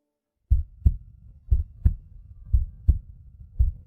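Dull paired heartbeat thumps, about 58 per minute, used as a fetal heartbeat in a drama.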